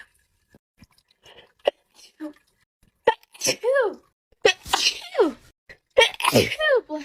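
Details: Young woman sneezing: quick sniffs and catching breaths build up to a run of three sneezes with voiced cries, closed by a murmured remark; ordinary sneezing.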